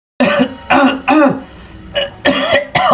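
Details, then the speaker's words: Adult man coughing again; his companion blames heavy smoking and eating fried food. "Ambean sampeyan iku lek rokokan ojo ngebes dikurangi rokoke lek ngene kan malih watuk maneh"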